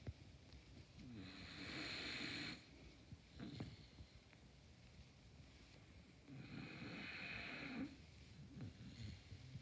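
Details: Snoring during a nap: two long, rough, noisy breaths about five seconds apart, with quieter breathing and small snorts between, over room noise.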